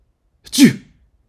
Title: Sneezing sounds (1 hour)